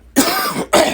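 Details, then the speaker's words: Adult recovering from COVID, which began about five days before, gives two short, harsh, throaty, clearing coughs in quick succession while trying to laugh: cough. "I try to laugh. I've been trying to giggle over here, and I keep coughing. I just had COVID."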